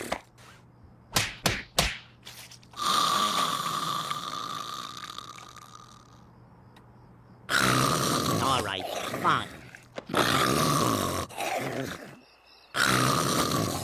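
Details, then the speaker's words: Loud rasping snores alternating with whistling breaths out, after a few clicks, from an animated (Gacha Club) character; simulated cartoon snoring. "Hey, wake up. Come on, you're snoring. Wake up."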